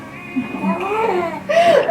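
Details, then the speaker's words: Newborn boy just delivered, still clearing some fluid: short high-pitched wavering cry rising into a louder wail, room noise behind; newborn first cry. "Is he gonna cry? He's supposed to, so we're gonna."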